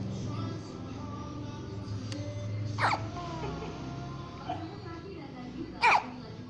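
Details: One-month-old baby girl hiccuping: two abrupt short gulping sounds a few seconds apart over music and room noise; infant hiccups.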